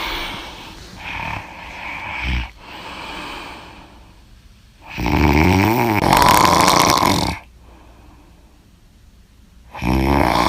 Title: I Snore So Loud!!